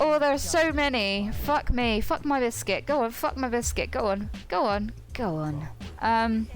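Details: Involuntary coprolalic vocal tics in a woman with Tourette syndrome.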